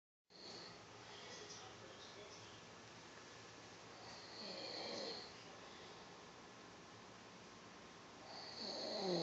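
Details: Snoring from a man: soft rattling snores, about two in nine seconds, over a steady background hiss.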